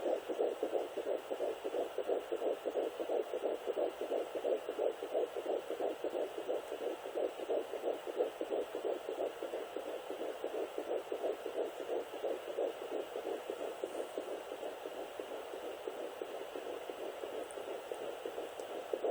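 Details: Fetal heartbeat at 10 weeks 2 days of pregnancy on a Sonoline B fetal Doppler: fast, regular whooshing pulses at about 176 a minute.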